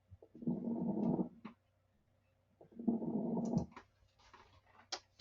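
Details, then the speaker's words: Two noisy breaths through a stethoscope with scattered brief popping clicks: fine lung crackles (rales), as heard in pneumonia, congestive heart failure or bronchitis; teaching recording. "some of these some of the different reasons you might hear Rawls or crackles pneumonia congestive heart failure or CHF bronchitis as well"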